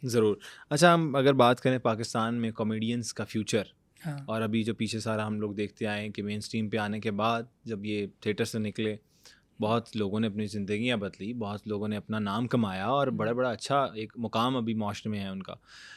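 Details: Adult male interviewer; Normal speech.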